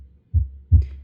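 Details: Two low, dull thumps from the SAM heart-sound simulator mannequin played through external speakers, the first of four teaching sounds; simulated normal heart sounds.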